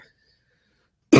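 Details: Near-silence, then the abrupt, loud onset of a single cough, cut off at the end, from an adult podcast guest who has been sick lately and whose voice is hoarse: cough.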